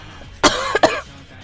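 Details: Girl coughing: two quick voiced coughs, the second closely following the first, against quiet room noise.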